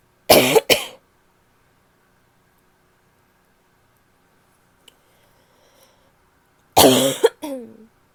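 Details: Annoying barking cough from a female.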